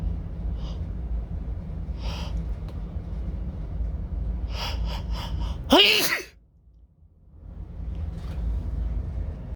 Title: Hitching induced sneezes (M)